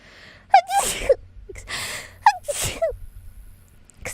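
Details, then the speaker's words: A very loud, sharp sneeze from a female streamer who says her sneezes have always been that loud, since childhood. "did you train yourself to sneeze that accurately or has always been it's always been like that honestly I have to say that when I was like an elementary school kid like when I sneezed in the cafeteria apparently it's so loud like it can be heard throughout the whole cafeteria"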